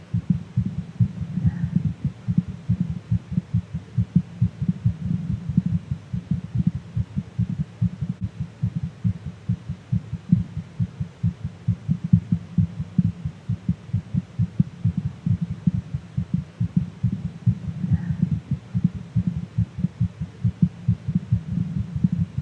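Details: A fast, steady heartbeat of roughly 140 beats a minute, extracted from a livestream, gives rapid low thumps over a faint background hum.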